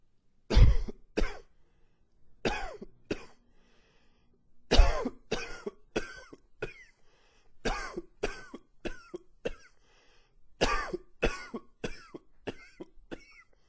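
Repeated bursts of harsh coughing, about 18 coughs in several runs with pauses between; allergy-related coughing fits.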